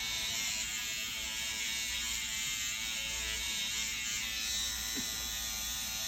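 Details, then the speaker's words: SkinPen microneedling pen running on an adult man's face at a dermatology clinic, after radiofrequency treatment and before PRP is painted on. Steady high-pitched electric buzzing in a quiet room. "And now we're doing microneedling. I can feel it, so I'm going to breathe a little more air. With the microneedling, it creates micro holes in the skin."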